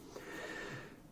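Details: A single rough, fluttering snorting breath with a faint whistle from a dog sleeping behind the speaker in a quiet room: snoring.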